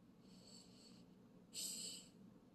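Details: Chiweenie dog in deep sleep: two soft, whistling, airy nasal breaths, the second louder; light snoring from a sleeping small dog.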